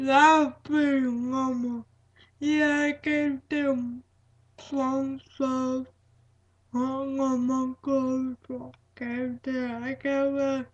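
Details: Female speaker with cerebral palsy; dysarthric speech (cerebral palsy).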